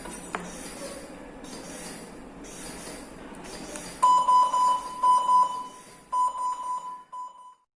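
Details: Loud, repeated high-pitched beeping in quick bursts, about four a second, after soft background music: a mechanical ventilator alarm sounding during an introductory nursing skills-lab ventilator demonstration covering oxygen settings.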